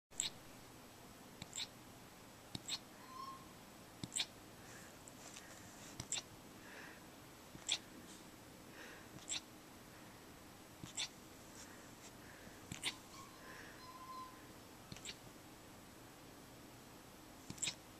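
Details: Puppy with hiccups: short, sharp hiccup clicks repeating roughly every one to two seconds; hiccups.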